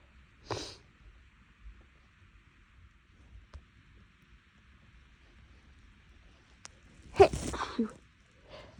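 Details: A sneezing fit from a person whose nose had been bothering them for a couple of days, possibly from something inhaled while making lunch, and felt tickly: a short sneeze, a quiet pause, a loud forceful sneeze, then a smaller one.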